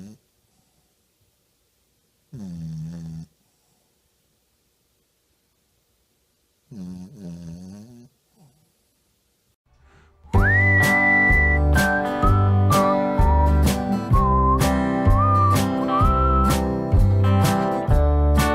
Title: 30 Seconds of Joy! Part 70! Dog Snoring!?